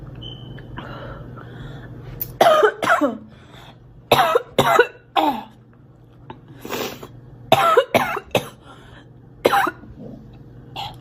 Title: Girl coughing 238